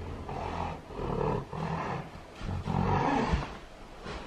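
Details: Mare in labour with her fourth foal, usually foaling standing, groaning as the foal's shoulders are delivered: deep, drawn-out groans in repeated waves while straining, a normal part of foaling, with a healthy foal born.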